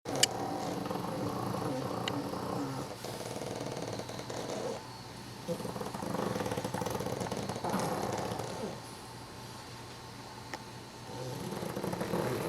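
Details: Overlapping rough, rattling snores from ten pugs sleeping on a couch, rising and falling together; loud group snoring.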